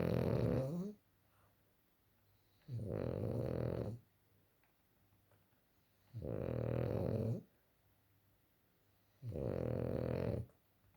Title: freeky frenchie snores worse than my dad lol